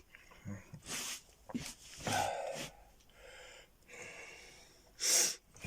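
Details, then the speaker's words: A child gives several short, harsh coughing bursts with quiet breathing noise between them; the child coughs when sitting but not when singing. "каш когда пою не кашляю когда сижу"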